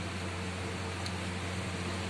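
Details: Portable oxygen concentrator just switched on at its power and main motor switches, giving a steady low motor hum with an airy hiss while it runs.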